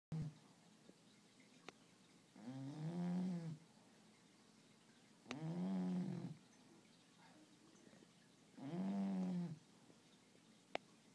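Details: Bulldogs, aged 1 year and 5 months, napping in a quiet room: three loud, rattling, low-pitched inspiratory snores, about 19 a minute, with faint clicks.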